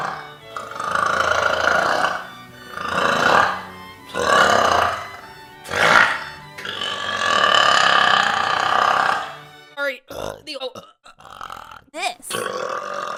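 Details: A string of about five long, loud, drawn-out voiced belches, then short choppy sounds, over background music; burping.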